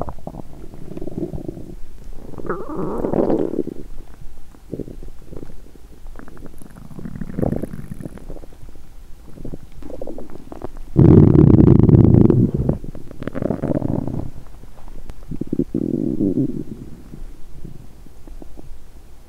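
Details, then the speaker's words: Woman during a 7-day fast: low gurgling and squelching rumbles in irregular bursts with one loud prolonged growl midway, likened to construction noise; hunger borborygmi. ""เอ๊ะ!ฉันได้ยินเสียงก่อสร้างดังมาจากท้องของฉัน!""ท้องของฉันเลียนเสียงการก่อสร้างหรือเปล่า""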